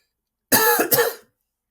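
A single short cough runs straight into a brief throat clear from an adult man.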